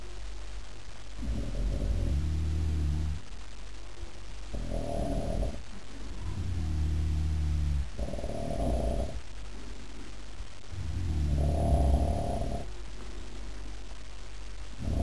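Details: Loud rhythmic low rattling snores on each inhalation with softer exhalations, about 15 breaths per minute; snoring.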